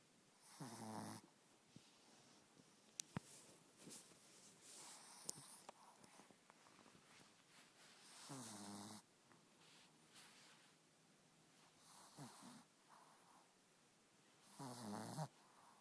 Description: My Miller sleeps so soundly, with her short snout she Snores Like Crazy